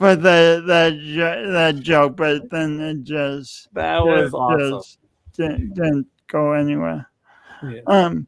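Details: Adult male speaker; speech impediment.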